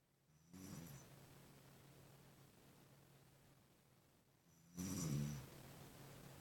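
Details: Woman snoring: two low, rattling snores on breathing in, several seconds apart, with quiet breathing between.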